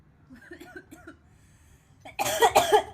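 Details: Girl, a streamer, with soft voice sounds, then a loud burst of several harsh coughs in quick succession; cough.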